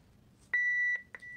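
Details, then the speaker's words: Baxter home peritoneal dialysis (PD) cycler powering on after being switched on at the back: a steady high electronic tone of about half a second, then two short beeps, prompting to press Go to start; normal device power-on beep. "so it's turning on so it's telling us to press go to start"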